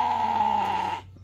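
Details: Male homestead sheep whose bleat the owner and viewers find abnormal; owner suspects something like laryngitis; hoarse bleat.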